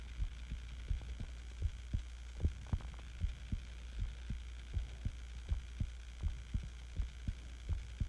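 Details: Own heartbeat recorded while sick with the flu: soft, regular low thumps at about 80 beats a minute over a steady low hum.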